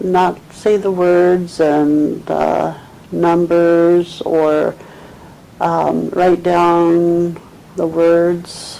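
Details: 74-year-old woman with 2 years of trouble getting words out, dropping connecting words and writing fragmented texts, with mild dementia, describing a picture with fragmented sentences, agrammatism and effortful halting speech; nonfluent agrammatic primary progressive aphasia.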